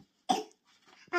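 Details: A young boy, showing how his older sister is coughing, gives one short, sharp, forced cough burst, then a soft breath and the start of another sound; imitated cough.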